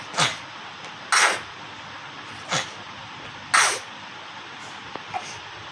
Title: Baby sneezing🤧🤧